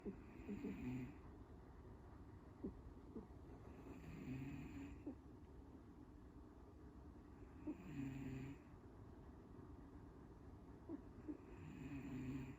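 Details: Two snorers together: soft rattling snores recurring about every four seconds, with a second, quieter snorer overlapping over a steady room hum; ordinary snoring.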